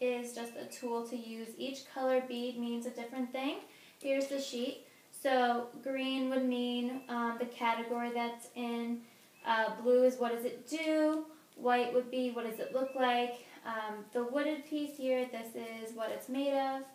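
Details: Adult woman (clinician); Normal speech.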